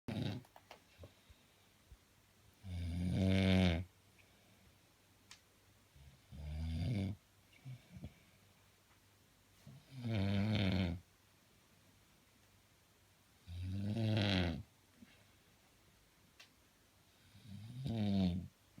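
Five rough, low rattling snores, one every three to four seconds, about 16 a minute, with quiet pauses between them. Snoring.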